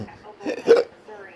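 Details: A single abrupt, voiced hiccup in a patient with intractable hiccups ongoing since 2015, recorded March 4, 2020; episodes lasting from 8 a.m. to 1 a.m., restarting at 7:15 a.m.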